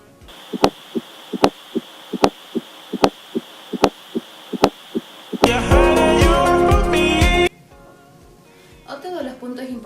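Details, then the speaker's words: Regular heartbeat at about 75 a minute with a soft extra sound just before each first sound, at the end of diastole, attributed to atrial contraction against a poorly distensible ventricle: fourth heart sound (S4 gallop). "el cuarto ruido es inaudible y se ha producido antes del primer ruido o al final del silencio diastólica este rollo se da se debe a la redacción producida por una ridícula contra un control ventrículo que es poco distendido"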